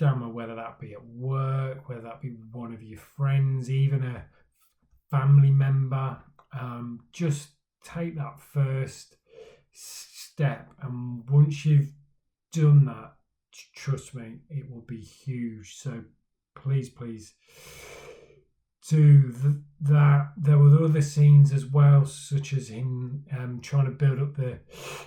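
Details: Man who stammers, speaking for Stammering Awareness Day about his own stammering journey; stuttering (stammering).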